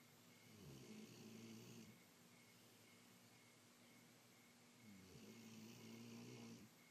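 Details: Snoring in a dog: two slow snoring breaths with a low vibrating rattle, separated by a quiet pause, against steady room hiss.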